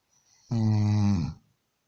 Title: Ronquidos de Gollo(1)